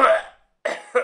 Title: Human Male Coughing Audiomonkery Sound Effect